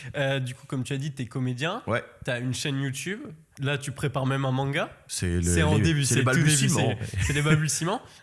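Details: Adult male speakers in conversation; normal voice.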